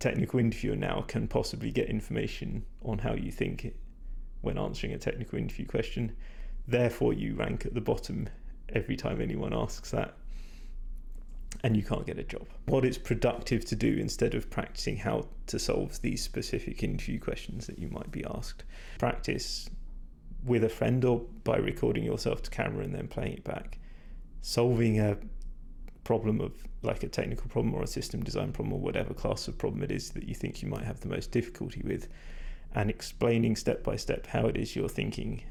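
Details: Male speaker with vocal fatigue from prolonged talking without drinking enough; he describes his voice as degraded, stressed and not at its peak condition.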